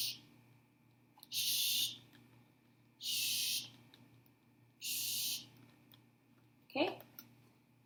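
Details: Student nurse skills check-off on a simulator: three short harsh suction hisses, each about half a second, during tracheostomy suctioning with the catheter moved in a circular motion and two Ambu-bag breaths between passes.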